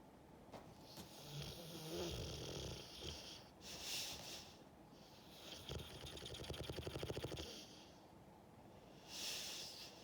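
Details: French mastiff sleeping and dreaming: rough, rattling snores with snorting breaths, repeating throughout, some room noise; snoring.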